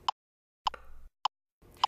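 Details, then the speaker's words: LIFEPAK 15 monitor-defibrillator CPR metronome on the default adult no-airway 30:2 setting: short, sharp tocks with a faint hum between them, timing chest compressions and prompting ventilations. "metronome gives you talks to time compressions and prompts for ventilation 3 2 1 ventilate ventilate at the end of your CPR period stop CPR briefly and assess the patient's rhythm"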